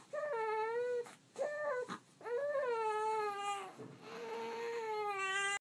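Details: 1-month-old infant crying during tummy time: repeated high-pitched wailing cries with brief catches of breath between them; typical fussy crying.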